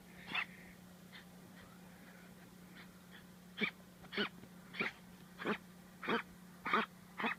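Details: Miniature dachshund coughing and wheezing badly, diagnosed by a vet with bronchitis and later treated with antibiotics and dog cough syrup; canine bronchitis.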